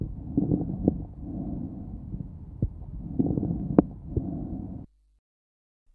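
Loud, harsh, hollow blowing breath sounds with a few sharp brief crackles during inspiration: bronchial (tubular) breathing with inspiratory crackles.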